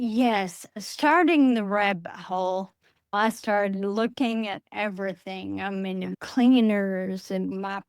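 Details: Adult woman with Friedreich's ataxia, a rare progressive neurodegenerative disease diagnosed at age 23, which she says affects her speech and can cause speech and swallowing difficulty; she uses a wheelchair. Finding: ataxic dysarthria.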